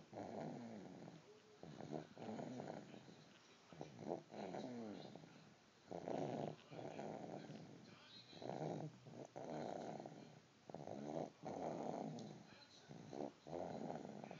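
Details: Sleeping dog snoring: low rumbling breaths about 25 a minute, with rough vibration on each breath.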